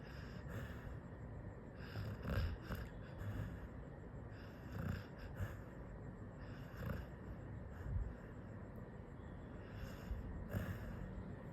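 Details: Sleeping Labrador dog snoring: soft, low rumbling snores with some snorting recurring every few seconds over steady room noise.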